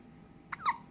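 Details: Hiccups in a 6-day-old newborn boy: a single short, sharp vocal catch followed by a brief voiced hic sound, one hiccup.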